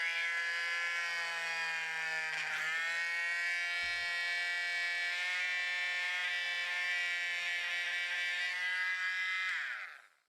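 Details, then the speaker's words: A running cast saw gives a steady high-pitched buzzing whine that fades out; the saw cuts through a cast but not through human skin. "it turns out nothing would happen actually because a cast saw is able to cut through a cast but it's not able to cut through human skin"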